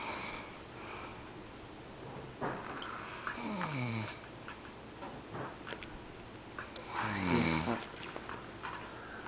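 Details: Man passed out asleep with loud rattling, fluttering snores and irregular breathing at roughly 16 breaths a minute; snoring.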